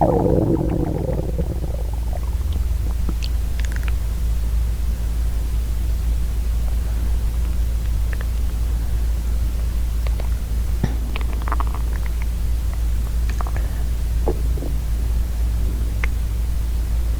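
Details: Real hungry stomach growling in a female: low, deep belly rumbling with a brief gurgle at the start; borborygmi.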